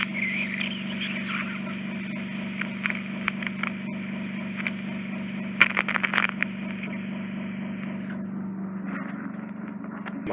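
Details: Left-ear microsuction in a woman with severe ear wax impaction: steady endoscopic suction hum with scattered crackles and pops as wax is drawn in; straightforward removal, after which a potential attic cholesteatoma was noticed on the eardrum.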